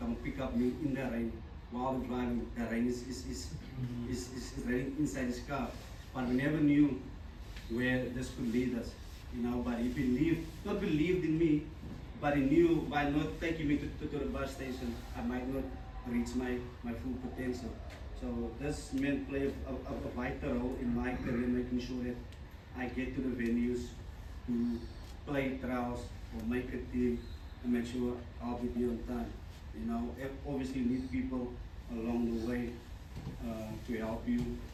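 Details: Adult man, a former rugby sevens player, who stutters. He says his stutter began in childhood and was very severe then. Finding: stuttering.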